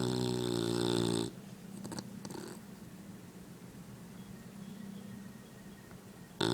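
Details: Female English Bully (bulldog) snoring while asleep; snoring.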